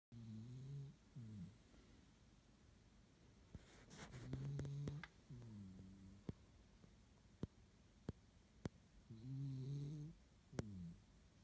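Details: Resting warm and dry after a walk in the snow: soft, low, droning breath sounds each breath cycle with a few sharp clicks between; gentle snoring.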